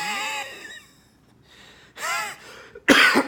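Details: Doctor imitating wheezing on purpose, a high-pitched expiratory sound: a brief whistling, wheeze-like sound, then a short voiced throat sound and a single sharp cough the imitation provoked.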